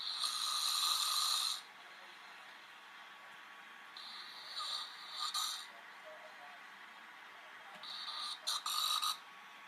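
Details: Adult man snoring during sleep: harsh, rasping breathing noises in separate bursts with quiet gaps between.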